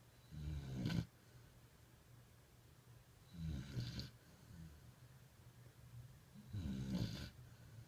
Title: Snoring puppy! Sounds like grandpa!